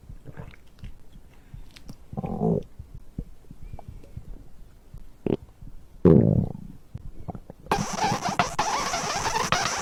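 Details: Abdominal digestion sounds recorded after drinking a beverage: low gurgles and squelching rumbles in a few bursts, then a rush of rubbing noise at the end; ordinary bowel sounds, stomach growling.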